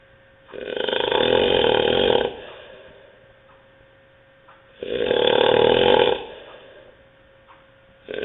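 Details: Terrible snoring: loud, harsh rattling snores on each breath in, about two breaths in eight seconds with quiet pauses between.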